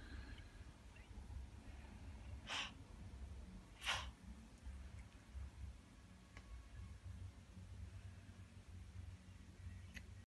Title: Cat just can't stop sneezing